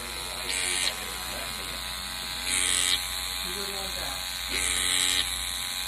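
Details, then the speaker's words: Microneedling pen used on numbed facial skin during a microneedling with PRP treatment (vampire facial); the patient reports no pain. Three short bursts of a high buzzing, rattling motor with a soft steady hum underneath. "it's honestly like I'm so numb I can't even feel anything it's really not painful oh that's a little machine"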